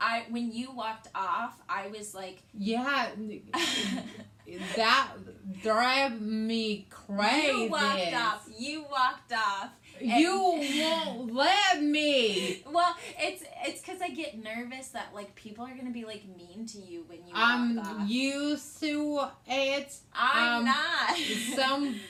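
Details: Adult woman speaking, possibly in conversation with another person; typical speech.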